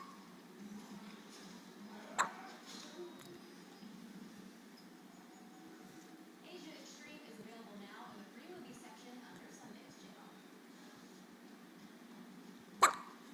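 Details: Baby with hiccups: two abrupt, sharp little catches about ten seconds apart over quiet room noise.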